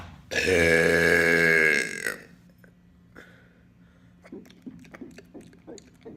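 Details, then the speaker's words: Man doing deliberate burping in a hotel: one long, loud, voiced belch of about one and a half seconds, followed by quiet room noise and faint clicks. "today I'm doing Hotel burping here's another one"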